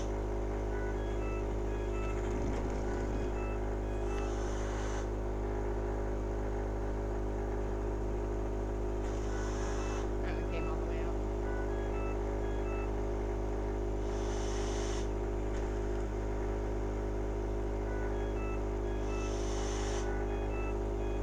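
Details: ALS patient on a cough assist device clearing phlegm from above the tracheostomy cuff: steady machine hum with rhythmic airflow surges about every five seconds; mechanical insufflation-exsufflation in use.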